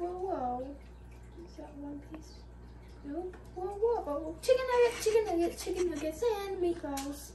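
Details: Adult man with Tourette syndrome, filmed during one of his harder tic days; vocal tics.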